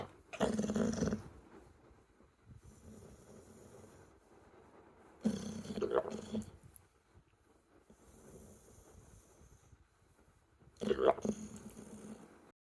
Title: How an American bully snoring while sleeping 💤 just like a pig 🐽 #dogs #puppy #shorts